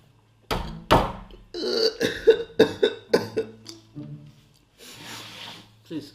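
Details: Prank with fake crying and coughing to get a mother's reaction, during an eating show: a string of forced, voiced coughs mixed with sobbing, then a breathy exhale; acted coughing, not real illness.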